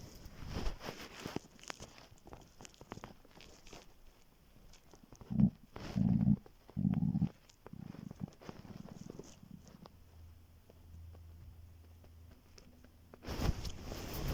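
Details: Morning hunger stomach growling (borborygmi) on waking after being very hungry, before skipping breakfast; soft low gurgles and rumbling bursts against quiet room noise, normal bowel sounds from an empty gut.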